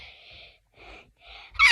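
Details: A single sneeze right after a spoken goodbye, which may sound like a moan; sneeze.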